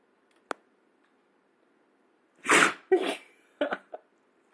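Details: Pet dog, which closes her left eye before sneezing: a sharp, breathy sneeze burst followed by a few short snorting exhalations; an ordinary dog sneeze in a quiet room.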